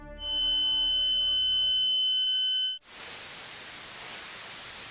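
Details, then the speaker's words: Real patient's pulsatile tinnitus sound, one's own heartbeat heard in the ear, diagnosed as pulsatile tinnitus. "제가 봤을 때는 현재까지의 진단은 박동성 이명이고, 실제 박동성 이명 환자의 소리입니다. 박동성 이명은 내 심장 박동 소리가 귀에서 들리는 것을 얘기를 하는데요."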